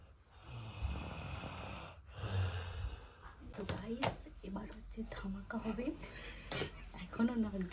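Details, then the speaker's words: A deeply sleeping child gives two low, rattling snores while family waits nearby with a birthday cake, quiet voices in the background: snoring. "আর এদিকে ও ঘুমোচ্ছিল মানে ও এত বিভর ঘুমিয়ে গিয়েছিল যে কি বলবো আর এই যে কেক আর ওর নাক ডাকাটা তোমরা শুধু শোনো"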